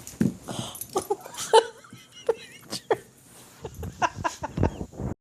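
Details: Sleeping Boxer dog snoring with irregular snorting, snuffling breaths, squeaky whistling notes and soft whimpers; a newly started sleep behaviour.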